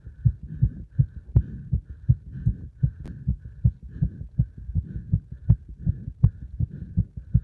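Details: Heart sounds after stacking burpees and squats: fast, regular paired thumps, about 160 beats a minute; rapid heartbeat after hard exercise.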